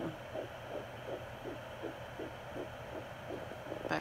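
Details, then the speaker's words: Fetal heartbeat on home Doppler at 13 weeks of pregnancy, one of two suspected twins tracked close together: rapid, regular whooshing pulses about 160/min. "they're really close together the last time i got it they both were down here and then one of them moved up to the top so i could track them"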